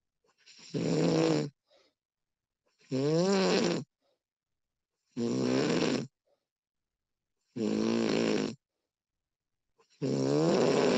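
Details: Woman snoring during sleep, professionally recorded: regular loud snores about every 2.3 seconds, around 25 a minute, each with a rough vibrating tone and silence between; snoring.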